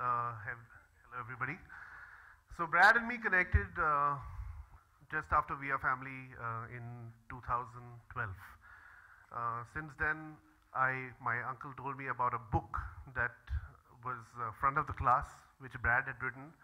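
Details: Adult male speaker; normal speech.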